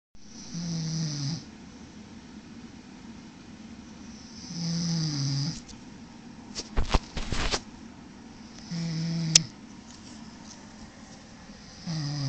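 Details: Low rumbling snores with each breath in, about three in twelve seconds, separated by quiet pauses and a brief rustle: ordinary snoring.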